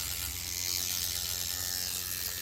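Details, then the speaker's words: Microneedling pen on a client's cheek or jawline near bone at 1.6 mm depth, before the fatty cheek area is treated at 2.5 mm. Steady high-pitched buzzing whir with a fine rattling as the pen runs continuously. "The reason we treat these in two separate sections is this is actually gonna be at a lower depth. This is 1.6 right now. I want to get 2.5 in this chunky fatty area."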